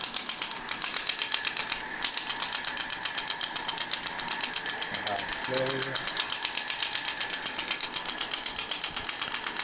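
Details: Elite boxer receiving shockwave therapy while being prepared for a main-event fight: a shockwave therapy device gives rapid, steady clicking pulses, about four a second, with voices coaching jabs behind.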